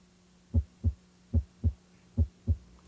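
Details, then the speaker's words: Normal heart sounds, S1 at the apex, auscultated with stethoscope diaphragm and bell: regular lub-dub S1 and S2 at about 73 beats a minute; S1 marks mitral and tricuspid closure at the start of ventricular systole, coinciding with the carotid pulse. "corresponds to mitral and tricuspid valve closure at the start of ventricular systole it should coincide with the carotid pulse"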